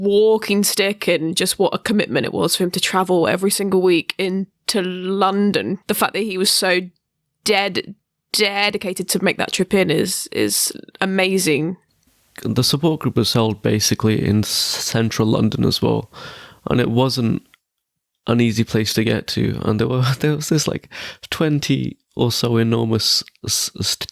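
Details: Stuttering (stammering) in an adult podcast co-host who stammers.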